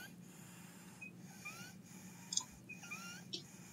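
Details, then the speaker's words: Child aged 1 year 6 months with cough and coryza for 4 days, fever 39°C, intercostal, suprasternal and supraclavicular retractions; inspiratory laryngeal stridor of acute laryngitis (croup). "e além disso dá para escutar estridor inspiratório esse é o estridor laríngeo"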